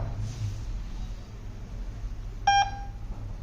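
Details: VIVO 2 BiPAP ventilator being set up: a short double electronic beep from pressing its control buttons over a low room hum.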